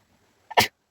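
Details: Sneeze deliberately induced with a stick in a sneezing challenge: a single abrupt sneeze, a short intake followed by a loud explosive burst.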